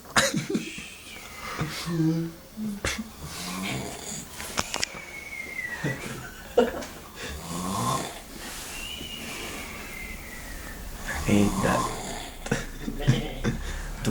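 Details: Sleeping person snoring: irregular rough, snorting breaths with rattling noises, background voices and laughter.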